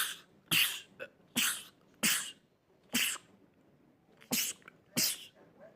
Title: Guys Rapid Sneezing Attack 4